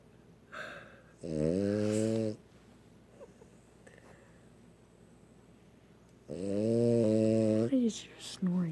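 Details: Sleeping dog snoring very loudly: two loud, drawn-out rattling snores with a buzzing, droning tone, separated by quiet pauses.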